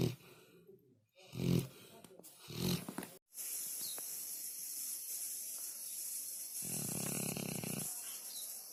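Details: Three low, rattly snores from a sleeping dog over steady background hiss.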